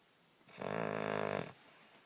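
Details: A sleeping hound dog gives a single drawn-out, fluttering rumble on one breath: snoring.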